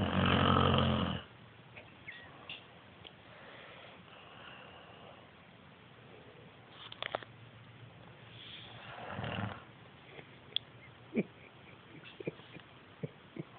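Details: Loud rough snore at the start, then quieter breathing and a second softer snore in a quiet room; spouse snoring.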